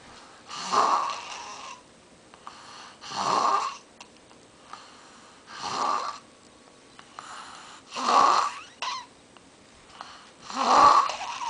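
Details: Rhythmic rough snores from a man, five in about eleven seconds (about 24 a minute), each a vibrating inhaled rumble with quiet pauses between, likened to his dad's snoring; snoring.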